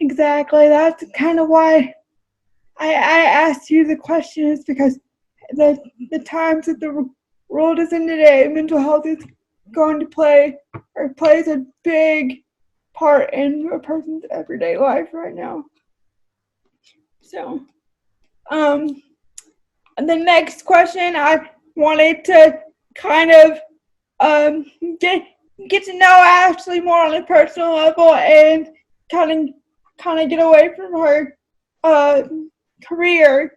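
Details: Adult woman with cerebral palsy who uses a wheelchair; speech in cerebral palsy (possible dysarthria), no specific speech disorder named.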